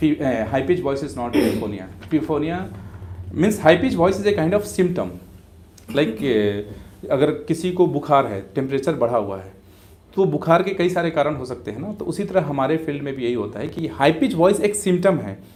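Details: Adult male speaker; typical adult male voice.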